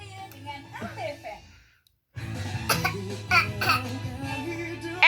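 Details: A 10-month-old baby gives about three short, forced cough-like bursts over soft background music; the mother says the baby is only pretending: a voluntary, fake cough.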